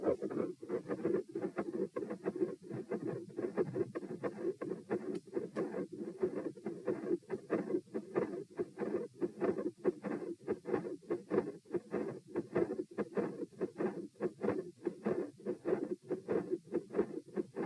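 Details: Stethoscope heart sounds at position P across lying, sitting, standing and lying again (78, 84, 108, 78 bpm): regular beats, with the rate rising on standing and settling again lying down.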